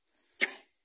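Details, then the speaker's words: Farida, 28-year-old Shetland pony mare with suspected equine asthma, coughing since winter, short laboured diaphragmatic breathing, occasional mucus; single short harsh cough after a soft intake of breath; equine asthma cough. "bon visiblement ça a l'air d'aller voilà il tousse tous comme ça depuis cet hiver"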